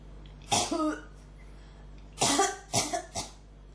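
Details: One harsh cough, then after a pause three more, short, dry and throaty, in a quiet room, from a person with a cough that won't stop who says it is really irritating the throat; persistent cough.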